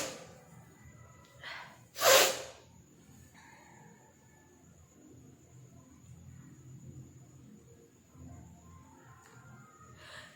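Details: Single loud, sharp sneeze after a short breath in, during a sneezing challenge using a matchstick to provoke sneezing; quiet room noise afterwards.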